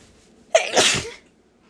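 A single forceful sneeze: a quick sharp intake, then a loud explosive burst of air lasting under a second.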